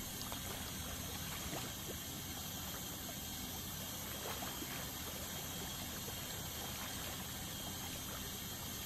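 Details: Dental scaling at a dental clinic: steady high hiss with a faint whine and trickling water spray as an ultrasonic scaler removes tartar; ultrasonic dental scaler with water spray.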